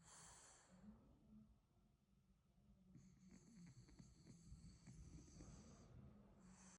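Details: French bulldog puppy snoring right after falling asleep: soft, snuffly snoring and snorting breaths, with faint high-pitched background noise.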